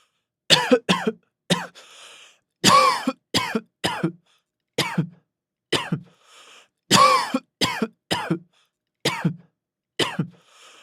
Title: Coughing, A severe cough in a man